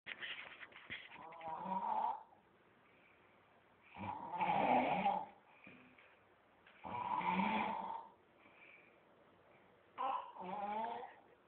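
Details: Man asleep snoring loudly: rattling snores on each inspiration, about four breaths in eleven seconds, quiet expirations between; ordinary sleep snoring.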